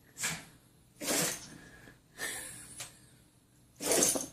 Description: Our dog having a sneezing attack. He's doing just fine.